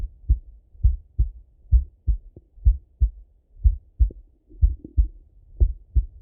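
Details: Male heart auscultated with a stethoscope, recorded either sitting at a desk or lying in bed: steady lub-dub about 60 beats a minute with clear first and second sounds; normal heart sounds.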